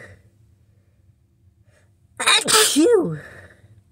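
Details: Person sick with a cold, congested nose after days of sniffles: sharp inhaled catch then one loud explosive sneeze with voiced tail, within a repeated sneezing bout.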